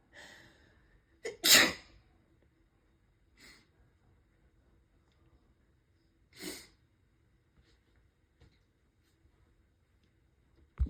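A run of about four sneezes. One loud explosive burst is followed by softer sneezes spaced a few seconds apart, in a quiet room.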